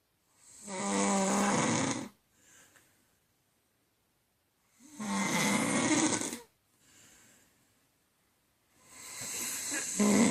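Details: Adult woman (wife) snoring during sleep: loud rattling snores on each breath in, about 14 a minute, with soft breaths out between them.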